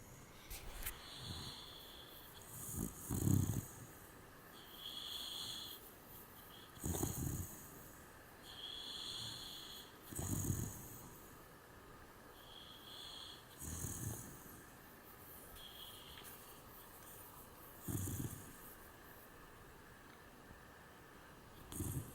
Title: my little piggy was snoring